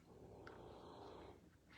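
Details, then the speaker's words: Low, rough, fluttering rumble on a single breath from a resting King Charles Cavalier Spaniel, a female dog who snores regardless of weather; snoring. "e sweetest Spaniel dog you've ever known but that dog snores can you hear that yeah that's her snow snore but honestly she would snore no matter what the weather was like"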